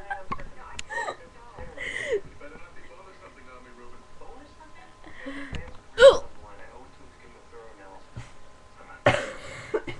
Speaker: okay we've got really bad hiccups and we're waiting for them